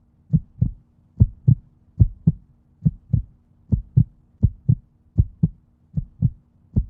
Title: Heartbeat sound #video